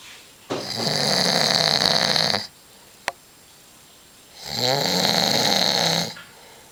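Two long, loud, rattling snores on breathing in, with a quiet pause between them; ordinary heavy snoring.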